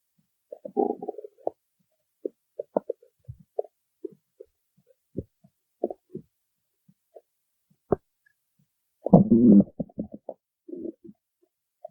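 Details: Irregular gurgles and short low squelches from the belly, with a louder rumbling burst near the end; ordinary stomach growling (borborygmi).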